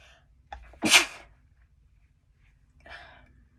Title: Chhinkni Sneezes 3 (nb)